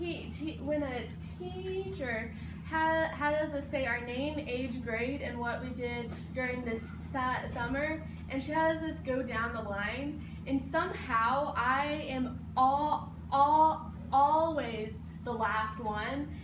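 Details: 18-year-old who stutters giving a class speech, with part-word and word repetitions; stuttering.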